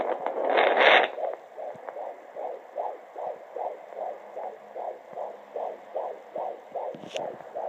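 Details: Fetal Doppler at 19 weeks 5 days of pregnancy: rapid, regular whooshing pulses of fetal heartbeat, roughly 155 beats per minute, normal.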